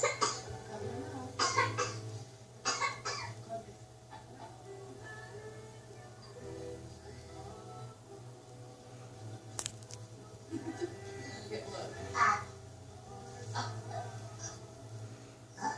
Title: Me coughing on video.